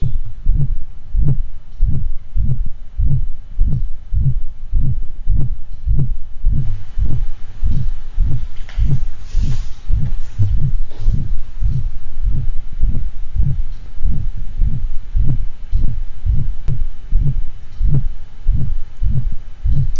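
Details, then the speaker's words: Six-month-old female Golden Retriever, murmur found at vaccination: loud, harsh ejection-quality systolic murmur filling each systole, heard best at left heart base, radiating widely across both sides of chest; weak arterial pulses; subaortic stenosis. "this murmur is heard well at the left heart base radiates wildly across the chest both sides of the chest and the dog has weak arterial pulses"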